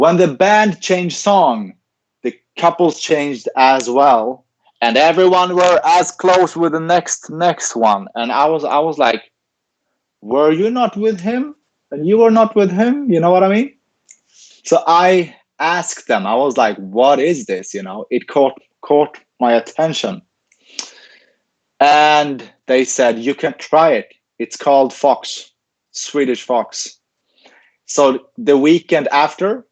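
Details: Adult man with stuttering, in speech-language therapy since age ten and later trained as a speech-language pathologist himself; stuttering heard in an interview.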